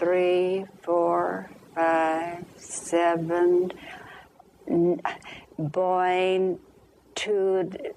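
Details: Real patient asked to count to ten, who counts with errors and skips numbers; conduction aphasia.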